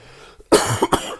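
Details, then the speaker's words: Adult man with the tail end of a cold, also sniffing and slightly wheezy: two quick coughs, a sharp first burst then a shorter second one. "like I said I still got the last bit of this cold and you can hear me cough and then Sniff and different things and um and wheeze a little bit"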